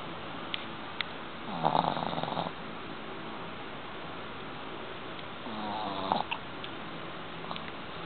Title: boston terrier sleeping and snoring..!!!!